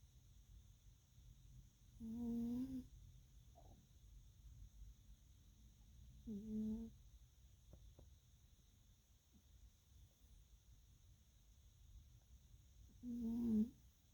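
Three short, buzzing, tonal snores spaced several seconds apart, over a steady faint hum of room noise. Snoring in a cat.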